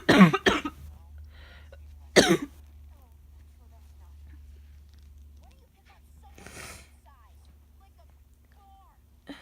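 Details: An adult with a common cold: a burst of two or three harsh coughs, then another single cough and a throat clear in a quiet room.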